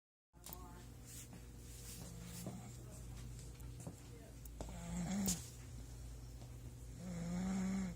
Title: Loud snoring